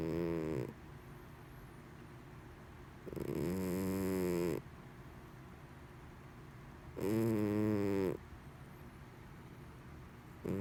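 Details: Domestic cat snoring while asleep: loud, deep, rattling, human-like snores at about 17 a minute, each lasting around a second or more.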